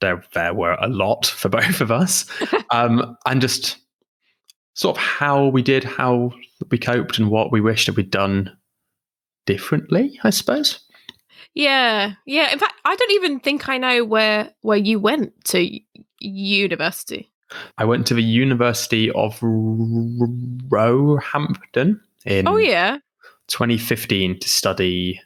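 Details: Adult woman who stammers, with repetitions and broken words; stammering.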